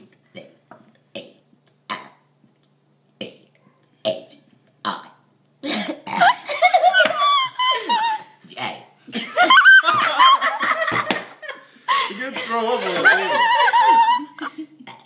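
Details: Deliberate burping: several short gulps, then long, loud, rumbling belches with laughter between.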